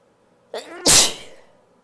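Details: A short vocal intake followed by one loud, explosive burst of air: a single unstifled sneeze.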